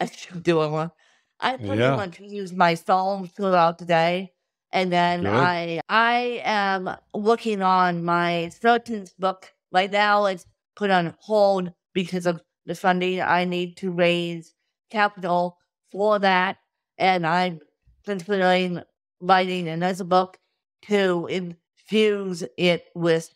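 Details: Adult woman with cerebral palsy from birth due to lack of oxygen at birth, with difficulty speaking; dysarthria (cerebral palsy).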